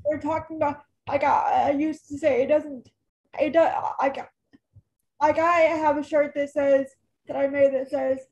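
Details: Adult woman, almost 32, with cerebral palsy who says talking is hard for her: dysarthria.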